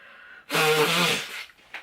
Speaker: Oh god, I'm going to sneeze. Gosh, I'm going to sneeze. Excuse me. Oh my god, I'm going to sneeze.